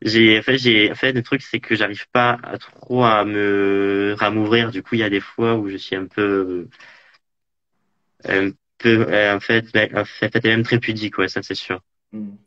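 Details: Man interviewed in French about living with stuttering: stuttering.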